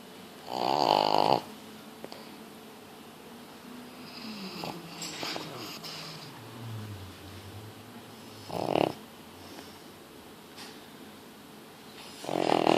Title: Snoring Pug (Deisy)